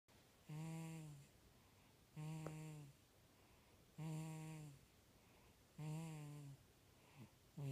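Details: A 4-month-old little boy with a snotty nose snoring while asleep: regular, droning, humming snores about every two seconds, roughly 34 a minute, each lasting under a second.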